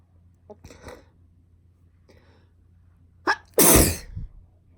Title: Girl sneezing